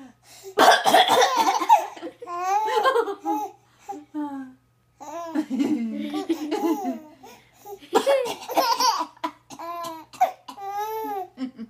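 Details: Two clusters of harsh coughs from a mother, each followed by an infant's bright, bubbling laughter at the coughing.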